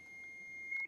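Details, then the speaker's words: AED shock delivery tone in a CPR training demonstration: a steady high-pitched electronic tone ending with a brief click as the shock is delivered after the "shocking, stand clear" prompt. "before you push the button to deliver the shock make sure no one is touching the person not even you deliver shock now press the orange button now shocking stand clear"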